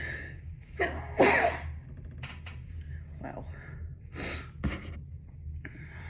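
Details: Sneezing into tissues after snuffing chinkni (snuff) to relieve severe morning congestion, suspected sinus infection starting: two forceful sneezes with sharp inhaled catches, then softer sniffs and a brief third burst; a nose blow follows.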